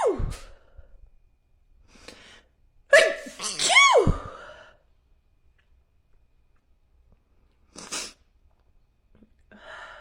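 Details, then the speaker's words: Woman with allergies who ran out of her allergy medicine: a sharp sneeze followed by a gasping, vocal second sneeze, then a quiet breath; repeated allergic sneezing. "I ran out of allergy medicine and I'm suffering so hey everybody and I I sneeze so"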